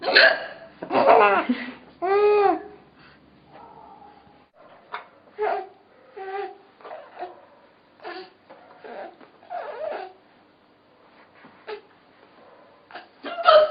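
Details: Sharp repeated hiccups from an adult woman (a mother), mixed with laughter and vocal sounds; ordinary hiccups.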